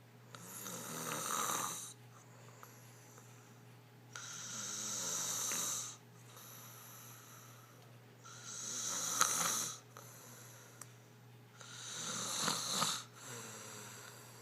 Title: Snoring girl part 3